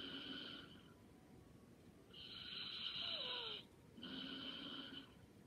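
Three soft, whistling snores on the in-breaths, with quieter breathing between them. Light snoring during sleep.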